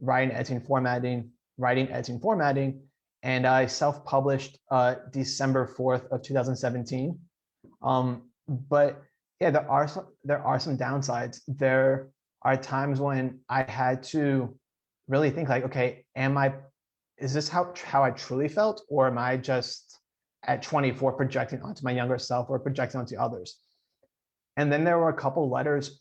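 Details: Adult man who stutters, speaking in a podcast interview, with audible repetitions; stuttering.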